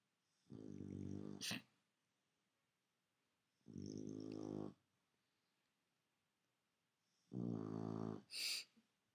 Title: Tula roncando despierta